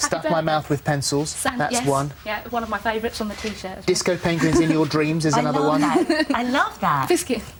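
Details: Adult woman, conversational speech; Normal speech.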